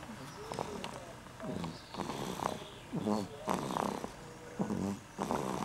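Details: Snoring: repeated low, rattling, buzzy noises in quick bursts about once a second, with a faint room hum between them.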